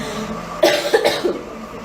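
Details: A girl coughing: three short coughs in quick succession over background noise.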